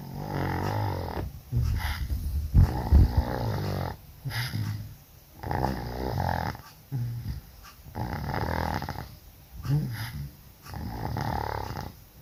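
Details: Person sleeping while sick with flu and cough, snoring very loudly: loud, rough, rattling snores with each breath, about nine breaths in twelve seconds.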